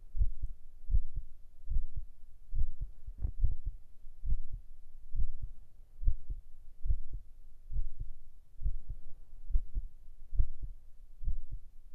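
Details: Binaural ASMR heart-sound recording made for relaxation and sleep: regular paired low thumps at roughly 70 a minute with a soft background rumble, a steady resting heartbeat.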